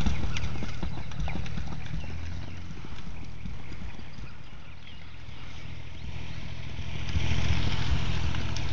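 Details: Rapid, regular low thumps with some rustling: normal heartbeat of a 4-year-old animal.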